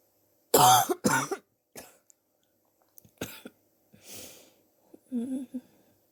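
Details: Sore person coughing over several weeks, X-ray pending to check for pneumonia: a few harsh coughs followed by throat clearing and a soft groan; chesty cough suspected to be bronchitis.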